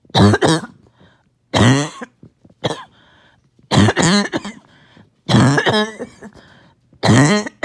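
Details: First coughing fit of the day, with mucus that would not come up; repeated loud, rattly, phlegmy coughing bouts with throat clearing; wet cough.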